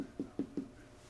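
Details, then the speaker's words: Abdominal percussion during a head-to-toe nursing assessment of a patient lying flat with a flat, symmetrical abdomen: three short, hollow tapping notes, the expected tympany of air rising in the bowel. "so I'm going to just go ahead and tap around to make sure that um I can hear tonies what I'm expecting to hear because normally when the patient lies lying flat like this air is going to be rising to the surface and I should hear the air"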